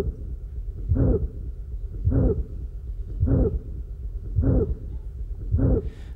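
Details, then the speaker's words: Severe calcific aortic stenosis, heart rate about 52 per minute: a loud, long, harsh crescendo-decrescendo systolic murmur, almost squeaky; such murmurs can become musical and are described as a seagull murmur. "murmur is again of the crescendo-decrescendo type and is loud, long, almost squeaky in quality. In some cases it can take on a musical quality, being described as a seagull murmur."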